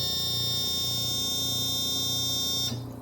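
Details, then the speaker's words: Oxygen concentrator just switched on: a steady high-pitched electronic start-up alarm over a low machine hum, cutting off near the end. It normally stops within 15–30 seconds, showing the machine is working. "that beeping sound should turn off with in the first 15 to 30 seconds all right that's letting you know that the machine is on and working"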